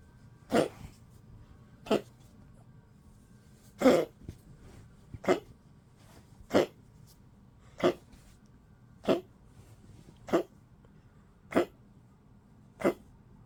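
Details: 15-year-old Poodle in 12°C cold weather, weak, sleeping a lot, eating less, with a slight cough: ten short, soft, evenly spaced cough bursts, about one every 1.5 seconds; dog cough.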